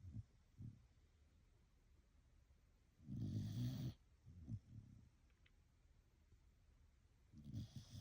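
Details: Blue heeler dog snoring while asleep: soft, low snuffling breaths with one louder rumbling snore in the middle.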